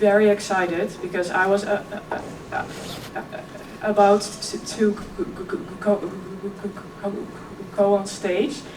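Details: Real stuttering in a 26-year-old woman who also has OCD; she stuttered effortlessly as a child, and her stuttering is now more struggled.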